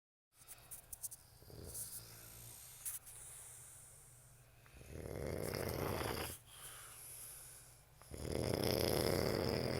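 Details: Rough, fluttering snoring breaths with snorty sounds between, over steady low room noise; a person snoring during sleep.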